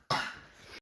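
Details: Deliberate, prompted sniffing and coughing recorded for fun before coronavirus: a single sharp, breathy cough with a fading tail; cough.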